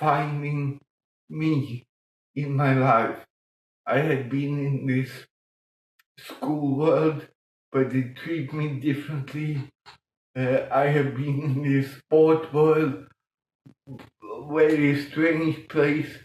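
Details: Adult man with mild cerebral palsy from lack of oxygen at birth in 1958; as a child he talked while breathing in, and says music later helped him breathe differently and talk more intelligibly; dysarthria (cerebral palsy).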